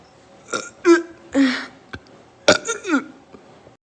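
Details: Girl in cosplay burping after chugging two 7-Ups, with her stomach hurting: several short, voiced belches in quick succession in a quiet room.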